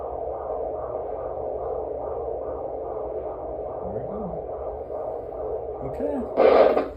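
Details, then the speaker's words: Fetal heartbeat on Doppler at a 35-week pregnancy appointment: fast, regular whooshing pulses at 152 then 149 beats a minute, judged totally normal and healthy. "Last time Loud noise on the doppler here. There we go. Right away. 152. 149."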